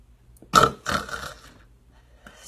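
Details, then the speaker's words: Awake adult demonstrates, not while sleeping, the loud gasping snort that ends an obstructive sleep apnea pause, when breathing stops for ten or more seconds and resumes with a big snort. "the end there you heard the big snort that I had if I was sleeping that would have been me stopping breathing for a few seconds"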